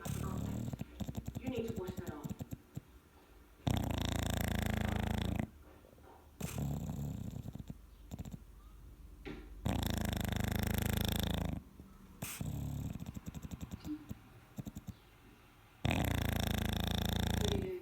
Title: Snoring Dog!